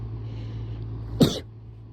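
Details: Person sick with a suspected cold, possibly flu after exposure to sick kids, during an unusually intense rapid sneezing fit; a single short explosive sneeze burst over a steady low hum.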